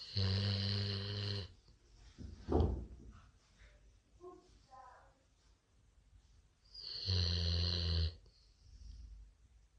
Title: Sound on 🔊, my golden retriever snoring 😴 #sunday